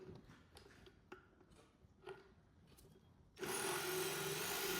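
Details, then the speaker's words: Neeka, a horse with a long-standing diastema where food gets trapped, causing periodontal disease; after the food is cleared, the vet files to widen the gap: faint scraping strokes, then steady loud grinding of equine dental rasping. "just cleared all the food out I'm just going to get a file to make the Gap a bit bit wider"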